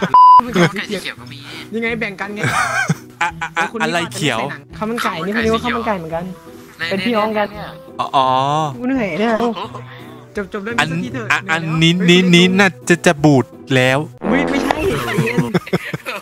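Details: Acted stuttering: a male player deliberately fakes a stutter while speaking Thai, with repeated words and syllables; imitated stuttering.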